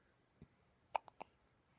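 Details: Hiccups that won't stop in an infant three days short of one month old.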